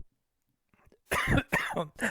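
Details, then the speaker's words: Adult man coughs three quick, harsh coughs in a row after a soft throat sound, in a quiet room, and says he will sneeze next; cough. "sorry my apologies okay got it correct and now i'm gonna sneeze first i cough then i sneeze excuse me"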